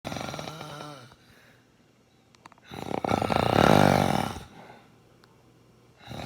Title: Dad is snoring